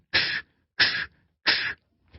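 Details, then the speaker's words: Vocal imitation of the holosystolic murmur of mitral regurgitation: three even, hissing bursts, each steady throughout, beginning right after S1 and lasting through systole to S2, as the mitral valve fails to close. "it doesn't want to close it begins right after S1 it passes through S1 let up D up let up that up my"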